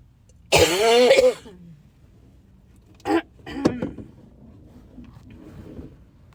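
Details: Cough while driving in the first couple of days of a cold: a long, rough, voiced throat-clearing cough, then two shorter cough bursts over car noise.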